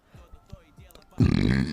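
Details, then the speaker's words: Woman streaming: quiet low sounds, then a loud, long, rumbling throaty belch. "Водичку только пью с утра уже рыгаю."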